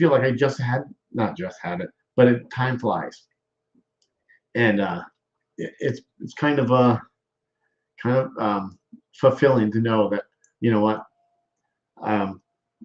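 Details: Aphasia after stroke in a male stroke survivor, with word-finding difficulty; aphasia.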